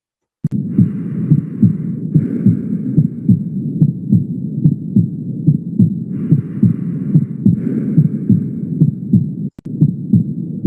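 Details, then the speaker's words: Mitral stenosis on heart auscultation: regular sounds about 72 per minute. The second sound plus an opening snap mimics a gallop or third sound, followed by a low rumbling diastolic murmur. "noten que ahí se escucha como si fuera un galope no en realidad lo que están escuchando es el el sonido número dos con el con el chasquido de apertura como si fuera una disociación como si fuera un tercer ruido"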